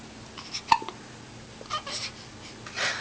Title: CMAL with hiccups